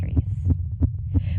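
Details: Female heartbeat picked up by a microphone during a performance, described as excited: fast, regular low thumping at roughly 180 beats per minute; tachycardia.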